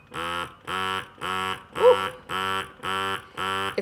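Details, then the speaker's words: Portable touch-screen electric breast pump demonstrated with nothing attached, starting in stimulation mode (adjustable suction levels): rapid, even buzzing motor pulses, about 110 a minute; electric breast pump running in stimulation mode. "so it's a fully it's all touch screen here so it starts in stimulation mode here"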